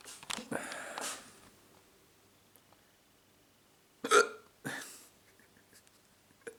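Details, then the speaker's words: Repeated sharp, abrupt gulping hiccups with quiet gaps between them, in a person trying to stop them by counting, talking and drinking water; hiccups. "i think the hiccups are gone that's good news"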